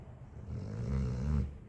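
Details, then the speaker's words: Dog sleeping soundly on a cold floor after a fresh haircut, snoring loudly: a single deep, rattling snore building over about a second. "Ang lakas ng hilik. Pakinggan nyo guys ha. Narinig niyo guys kung paano siya natutulog."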